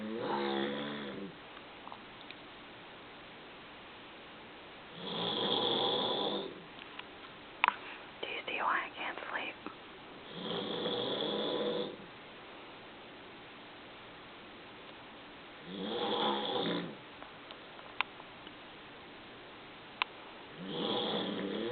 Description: My husband was snoring at night so loud when we were on vacation....I did not get any sleep...He sounded like a mountain liion.